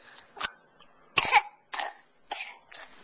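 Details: Young child coughing in a quiet room, about five short, dry, throat-clearing coughs; recorded on a Flip Video camcorder.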